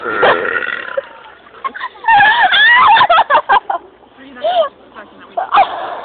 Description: burping in the playground